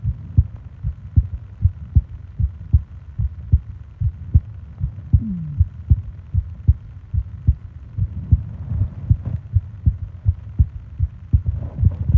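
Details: Steady, low, thumping heartbeat at about 76 beats a minute with soft breathing noise behind it, from a 20-minute ASMR heartbeat and breathing recording made for falling asleep; a normal heart rhythm.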